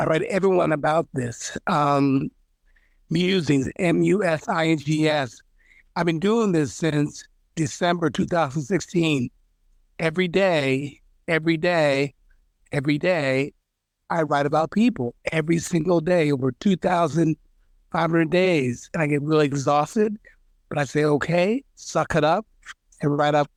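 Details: Aphasia after stroke in a man, a member of an aphasia support group.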